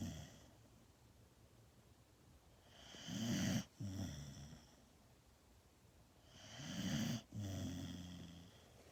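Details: Dog snoring: two slow, deep snoring breaths in a quiet room, a rough low rattle on each breath in, about 17 breaths per minute.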